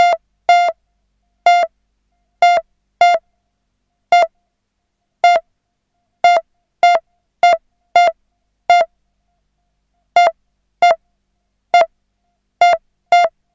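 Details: Simulated hospital pulse monitor sound effect: synthesised beeps at uneven, erratic intervals, about 75 per minute, signalling an irregular pulse.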